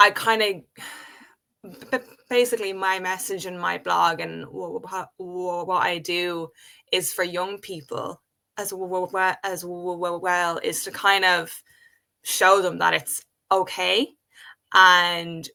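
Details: Adult woman who has stuttered since age five, speaking in a real conversation; stuttering.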